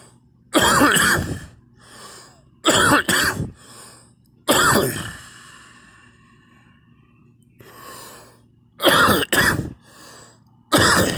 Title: me coughing and vomit 2 times